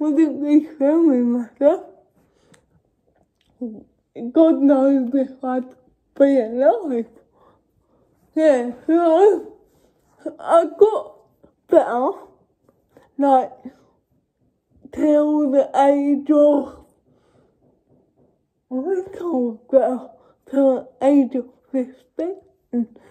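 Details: Adult woman with cerebral palsy speaking spontaneously (real, not acted); dysarthria (cerebral palsy)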